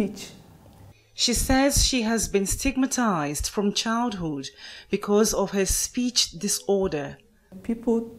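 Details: Adult female reporter; fluent speech.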